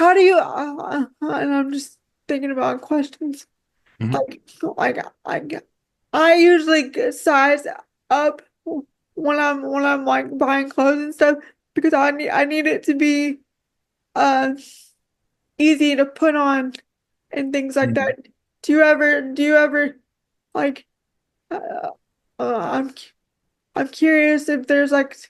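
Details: Woman with quadriplegic cerebral palsy affecting her whole body, including her speech; dysarthria (cerebral palsy).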